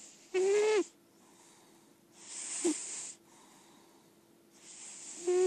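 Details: Senior lilac point Siamese cat, indoor, said to be in good health, asleep: rhythmic snoring with a whistling, wheezy tone on each breath, about 25 breaths a minute.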